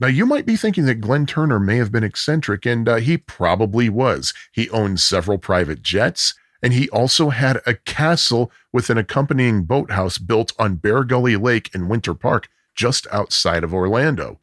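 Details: Adult male narrator; normal speech.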